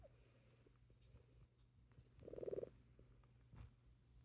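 Soft, low rumbling breathing in a sleeping cat with one brief louder buzzing breath; gentle snoring.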